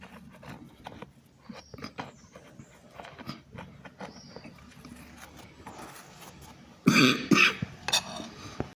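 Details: Coughing heard during a short video, apologised for as "excuse me with the coughing".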